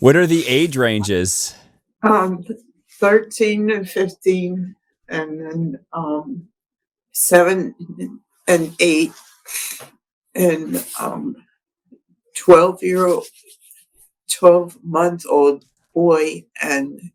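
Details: Woman with expressive aphasia after a December 2022 stroke affecting the left-brain language center, in speech therapy; comprehension and reading intact, difficulty getting words out; expressive aphasia.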